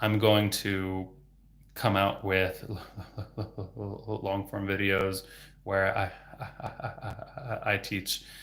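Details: Adult male speech-language pathologist who stutters, after describing use of fluency techniques such as stretching vowels for continuous voicing, with words still sometimes getting stuck; a word repetition is audible; stuttering.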